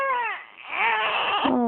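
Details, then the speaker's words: A 6-week-old infant said to hate hiccups gives two high, clear wailing cry bursts with a brief dip between, right after burping and seeming unwell: an ordinary infant cry. "uhoh uhoh now you're mad why you just burped such a good one I'd be happy you don't feel good"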